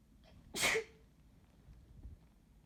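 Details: A short intake of breath, then one loud explosive sneeze, then quiet room noise; sneezing.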